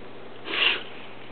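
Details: A single brief, harsh snorting inhalation from a pet, heard by the owner as wheezing, which the vet diagnosed as a reverse sneeze.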